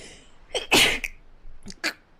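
A brief inward gasp followed by a sharp, explosive sneeze, then a second smaller sneeze; quiet room.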